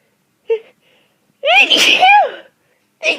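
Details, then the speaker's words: Sneezing in a person sick with a cold, eyes watering: a sharp inhaled catch then a loud, forceful voiced sneeze, another starting at the end. "I have to sneeze just so [Applause] bad eyes are watering ow just stoping God"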